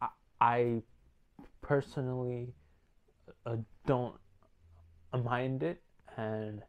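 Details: Male speaker with stuttering that he says sometimes gets severe and worsens when he feels uneasy; stuttering.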